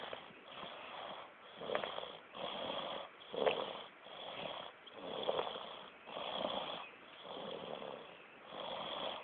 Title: snoring